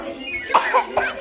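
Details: Child coughing after eating too much ice cream: two short, dry coughs with faint music behind.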